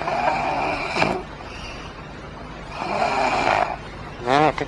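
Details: Acted snoring in a comedy scene by a man described as very drunk: theatrical rasping snores ending in a snorting, rising noise.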